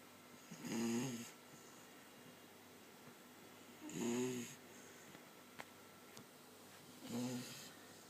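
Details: Three rough, rumbling snores at a slow, steady pace, about 19 a minute, with quiet breathing between them in a quiet room: ordinary snoring.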